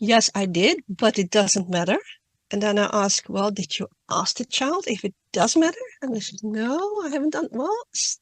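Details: Adult woman who stutters, reading a prepared talk aloud, with word and part-word repetitions: stuttering.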